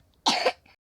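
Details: A person coughs, then apologises for coughing.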